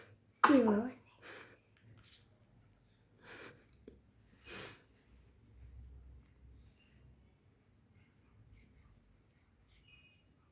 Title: 20 days baby moving his hands and legs and sneezing|20 days baby boy movements|Newborn baby reaction